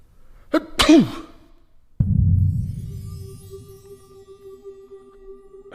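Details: Two quick sneezes, each a short in-breath then an explosive burst, followed by a thud and background music; audio credited from a comedy sketch and used in an animated meme.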